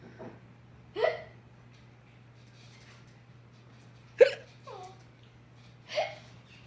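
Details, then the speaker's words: Three short, abrupt voiced gulps a few seconds apart over steady room hum, from Brownie, who seems frightened by his own hiccups. Hiccups. "oh yeah this is brownie he totally freaked out he's afraid of hiccups oh"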